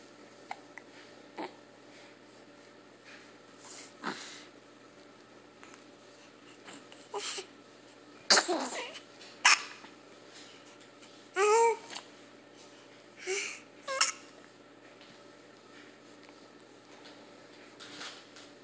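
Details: A cat hiccuping and sneezing: several small sharp bursts of air in a quiet room, then a couple of clear sneezes.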